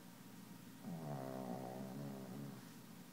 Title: Bandit Snoring